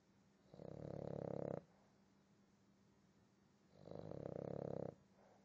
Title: Boston Terrier - Akuma snoring